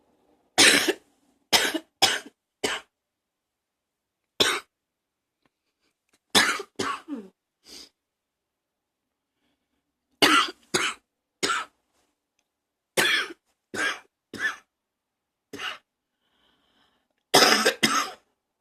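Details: Repeated short, dry cough bursts from an adult, in clusters with quiet gaps, while still coughing from allergies; cough.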